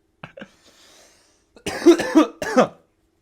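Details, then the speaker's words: Adult coughs after taking the first bong hit of the day of Bubba Kush cannabis; cough after smoking. "i'm going to take my first hit of the day i am smoking delicious bubba kush"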